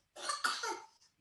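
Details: A single short, harsh adult cough from a set of COVID-19 research cough samples covering symptomatic, asymptomatic and COVID-negative people, which are very hard to tell apart by ear.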